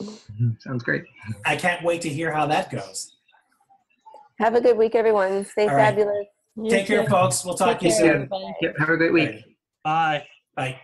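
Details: Adult male speaker; typical speech.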